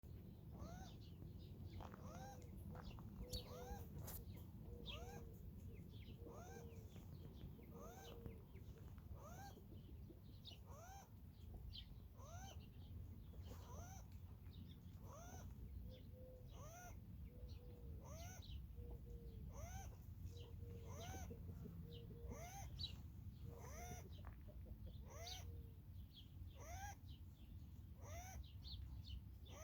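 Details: Wild female rabbit wheezing all day, making a short, rising squeak with almost every breath, about once a second. Another adult rabbit was found dead that morning, and the owner suspects respiratory disease.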